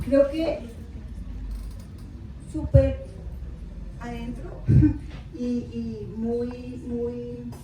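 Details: Aphasia in an adult woman, 13 years after a left-hemisphere cerebrovascular accident (ruptured aneurysm, haemorrhage) with a month in coma; initially unable to speak, read or write, with paralysis of half her body.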